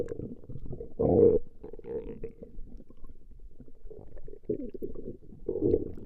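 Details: Female's stomach growling recorded over a 20-minute session: continuous low gurgling and rumbling with louder growls, ordinary borborygmi.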